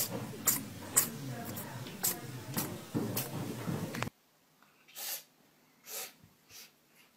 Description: Cute sneezing cats.